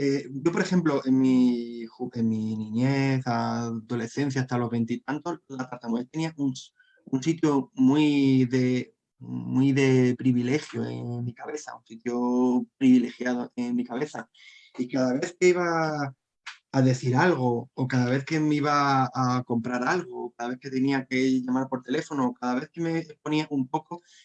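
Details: Adult Spanish-speaking man who stutters, with a constant struggle since childhood to hide it: stuttering.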